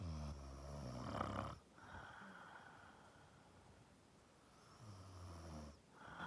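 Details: Snoring: low, buzzing snores on inhaling with a quiet pause between breaths.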